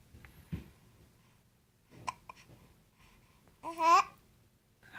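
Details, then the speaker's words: Baby girl with hiccups: a few short, sudden catches of breath in a quiet room, then a brief vocal sound; infant hiccups. "do you have the hiccups are you feeling a little hiccuppy yeah a little hiccuppy"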